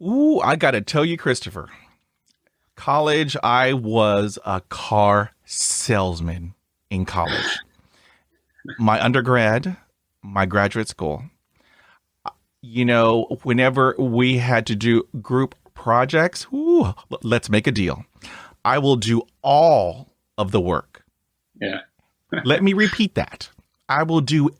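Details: Adult male who stutters, who has had speech therapy since the late 1970s; stuttering.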